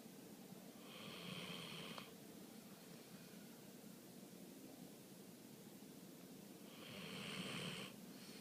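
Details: Dog (Macy) snoring during a nap: two rough, noisy breath sounds about five seconds apart against room noise; snoring.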